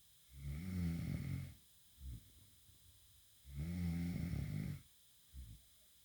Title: The Wife snoring in bed